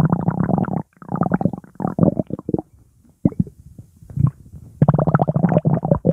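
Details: Bubbly, gurgling hungry tummy noises in quick bursts with brief pauses; ordinary hunger rumbling, bowel sounds (borborygmi).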